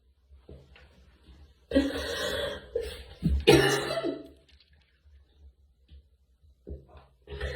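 Two loud, harsh coughs, each a burst trailing into a rasping exhalation, with softer sounds between them.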